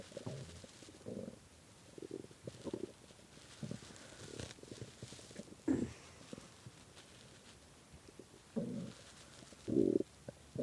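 Irregular gurgling rumbles and low growls in short bursts with quiet gaps between them. Stomach growling from hunger.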